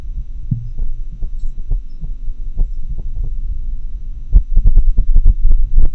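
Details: Heart sounds in atrial fibrillation, recorded with a homemade funnel-microphone setup and digitized via a computer sound card.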